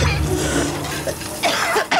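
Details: Adult waitress coughing after tasting a greasy restaurant dish: short, repeated coughing bursts with throat clearing over busy room noise and faint music.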